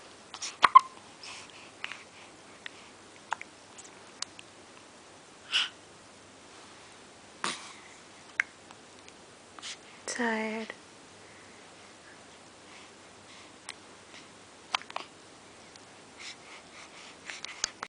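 Soft, brief, sharp catches repeat irregularly in a quiet room, with one short whimper; these are an infant's hiccups.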